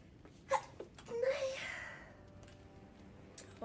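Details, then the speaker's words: Girl's stifled sneeze: a quick catch of breath, a muffled, suppressed sneeze, then a longer breathy exhale, with faint room noise. "Oh my goodness. Sneezing. My eyes are watering."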